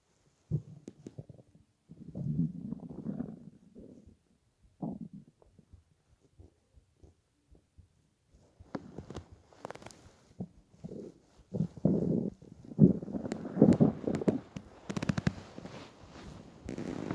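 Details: Hunger stomach growling (borborygmi) while lying on a bed after about 28–30 hours without food during weight loss (65–67 kg to 49 kg): irregular low gurgles and rumbling building into long, loud growls.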